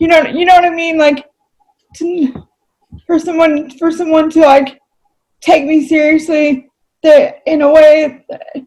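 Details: Adult female with cerebral palsy, who reports that voice-recognition software fails to understand her about half the time; dysarthria due to cerebral palsy.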